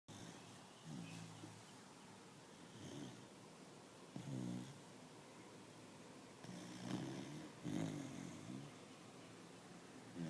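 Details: Sufjan, a Beagle-English Bulldog mix (Beabull) puppy, snores like crazy: soft, low rattling snores with each breath, about five in ten seconds, over faint room noise.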